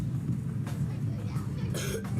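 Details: First-aid training scenario: two short, harsh coughs over heavy low background rumble, acted as a schoolchild's cough during an asthma attack, short of breath and holding a tight chest.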